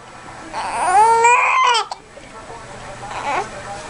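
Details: Infant crying, apparently upset by hiccups: a single loud, high-pitched wail, then quieter fussing in a small room.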